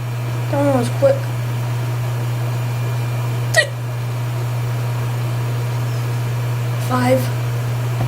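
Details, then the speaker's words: A person's run of ordinary hiccups, about nine in 1 minute 28 seconds: three abrupt voiced hiccups, each a quick gulping squeak, over a loud steady hum. "Yeah, it might sound fake, but everybody hiccups differently."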